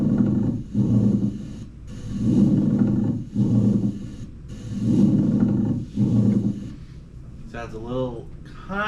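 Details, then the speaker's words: Pleural friction rub played in a nursing-class lung-sound review: low, coarse grating bursts with each breath phase, from inflamed, thickened, leathery pleura rubbing together; lower pitched than crackles. "it can get really thick and the tissue can get irritated and leathery so it actually sounds like rubbing together"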